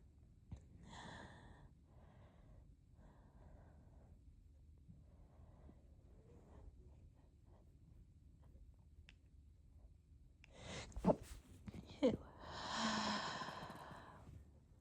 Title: Just a few sneezes